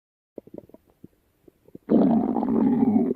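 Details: Stomach rumbling: a few soft gurgles, then a loud, sustained low rumble lasting over a second; ordinary gut noise (borborygmi).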